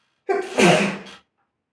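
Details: A single sharp sneeze: a brief intake followed by an explosive burst of air lasting under a second; sneeze.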